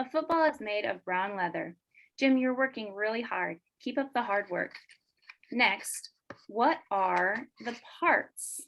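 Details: Adult woman speaking; ordinary speech.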